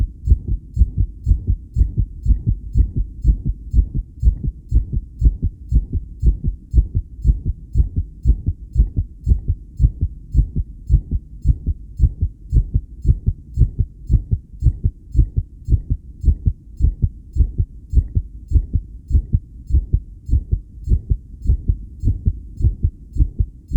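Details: Self-recorded with a homemade electric stethoscope during 10-lead ECG monitoring after regulated breaths: fast, strong low heart thumps near 115 per minute, mostly steady with occasional irregularities; tachycardia with extrasystoles.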